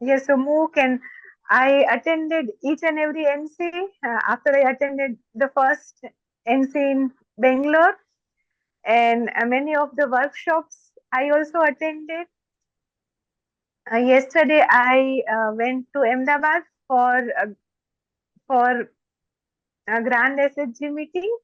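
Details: Adult woman, a doctor, who stammers, and more so when excited; stammering (stuttering).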